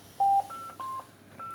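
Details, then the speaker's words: Oxivent Oxi 4 Plus transport ventilator in an emergency department staff training: short electronic tones stepping between pitches, an alarm triggered because no test lung is connected to the circuit, then silenced. "Balonumuz olmadığı için cihazımız birazdan alarm vermeye başlayacak."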